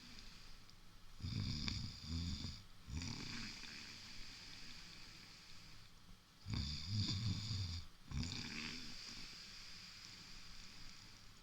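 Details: Snoring: deep rumbling snores, two breaths in each cycle, repeating about every six seconds, roughly ten breaths a minute.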